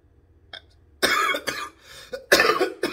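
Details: Several harsh, forceful cough bursts from an adult with COVID-19 confirmed by positive rapid test, on day four of illness, chest still feeling heavy.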